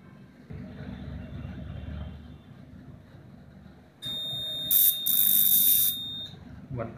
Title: Wart Removal by Laser Treatment